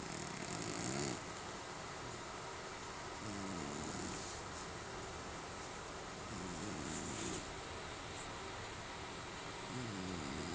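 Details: A sleeping cat snoring softly and rhythmically, each breath giving a low rattling sound, in a quiet room; recorded on an Android phone.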